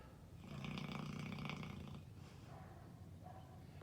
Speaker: That's my buddy sleeping there. He snores like crazy almost all the time.